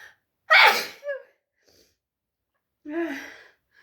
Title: I can't hold back my strong sneezes!!